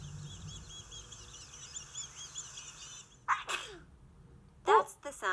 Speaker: in spring many people get runny itchy noses and they ah ah achoo in spring there is a lot of pollen and pollen makes many people sneeze